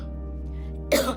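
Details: Woman with refractory chronic cough, persistent and severe despite ENT treatment and antibiotics, with coughing that paralyzed a vocal cord; refractory chronic cough.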